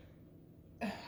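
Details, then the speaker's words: Adult woman with a sore voice gives one short, abrupt cough near the end after faint room noise; she apologizes for her voice and coughing. "I'm sorry about my voice. I'm sorry about coughing."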